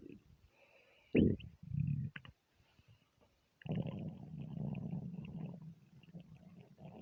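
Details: Stomach after overeating, half hungry half gassy: loud gurgling and rumbling bursts with pauses between; borborygmi.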